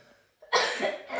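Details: Child with an ongoing cough that is not stopping, being treated with antibiotics: a single loud, harsh cough burst after a brief quiet moment.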